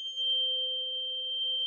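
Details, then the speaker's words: Pure steady ringing of a struck tuning fork with its stem on the mastoid for the Bing test; plugging the ear makes it louder and unplugging softer, the normal occlusion effect. "they'll put the stem of the fork on the mastoid do you hear that yep now plug the ear did it get louder yep when you unplug it did it get softer yep"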